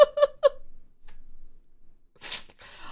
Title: 재채기 26호기